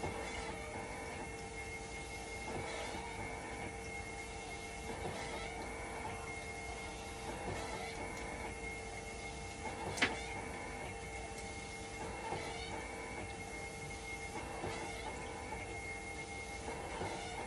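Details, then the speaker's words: Hemodialysis machine running in dialysis mode during a repair test for a "5 V and level detector always failed" fault, waiting for conductivity to stabilize: steady hum, soft pump pulses about every two seconds, occasional click; conductivity slow to drop. "Papatakboy muna natin ito ng dialysis. So, ngayon, itetest ko. Pag nag-fail siya, kakalibrate ko."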